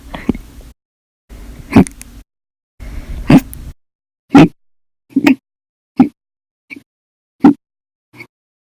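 Repeated short, abrupt gulping sounds about a second apart, some sharp and loud, some faint: a run of hiccups.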